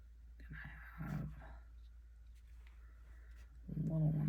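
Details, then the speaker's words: A sleeping dog snoring, two low, rumbling breath noises with a quiet room between them. "You can hear, sorry, my dog's snoring."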